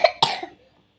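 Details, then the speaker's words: Young child coughing since the night before: two quick, sharp, brief dry coughs in a row, with no wheeze or whoop. "cepat e cepat cepat cepat diangkat penyakitnya kasihan kalau anak kecil batuk itu benar-benar kasihan Guys"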